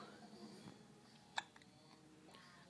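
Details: A baby girl with hiccups: a single sharp, brief catch-like hiccup against quiet room noise, with soft adult voices nearby; infant hiccups.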